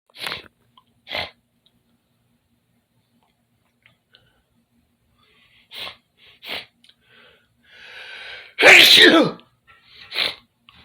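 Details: Sneezing in a bedroom, with dripping nasal mucus and nose blowing afterward.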